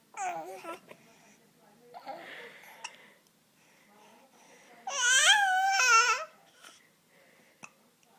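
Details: Baby with hiccups: brief, sharp hiccup catches scattered between fussy babbling and a short cry.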